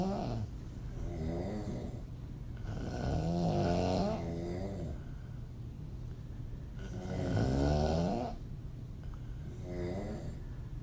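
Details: Loud, rough, vibrating open-mouth snoring from a woman, about 16 snores a minute on each breath in, with quieter breaths out between; audio only.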